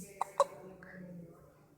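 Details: Infant aged 2 weeks 6 days: two quick, sharp hiccups followed by a soft murmur; infant hiccups.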